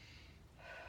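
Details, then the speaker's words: Stethoscope auscultation of a female patient's posterior chest during a lung and thorax assessment, patient breathing in repeatedly: a soft rushing breath, normal vesicular breath sounds with no added noises. "and now for vessicule take a breath in and again again and again"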